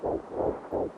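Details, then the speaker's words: Rapid, rhythmic whooshing pulses of an unborn child's heartbeat, roughly 150 to 160 beats a minute. "You hear that sound? That's the sound of a child's heart beating."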